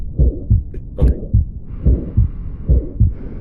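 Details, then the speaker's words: Real-time stethoscope recording of aortic stenosis radiating to the neck: regular heartbeat near 72 a minute with a rough systolic murmur between beats. "Bueno, les puse este audio solo para que escuchara el cómo se se oye el soplo así ya en tiempo real en una estetuscopia. Esta es una estenosis aótica que se irradia hacia el cuello."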